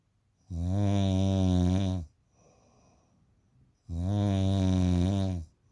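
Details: Snoring from a sleeper of undisclosed sex: two long, deep, steady droning snores, each about 1.5 seconds, separated by a quiet breath.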